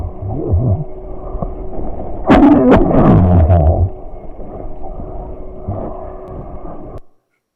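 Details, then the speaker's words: Patient recording analyzed by a clinically validated machine-learning cough and adventitious-sound monitor: two sharp cough bursts followed by low rumbling, rattly breath sounds with rhonchi and rales (crackles) against steady room noise. "so as you could hear that was a cough but there's other interesting adventitious breasts in there as well ronchus rawls all of that has been categorized and clinically validated"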